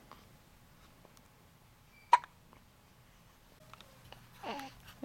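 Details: Infant boy with hiccups: a single sharp, clicking hiccup in a quiet room, then a soft baby vocal sound; hiccups.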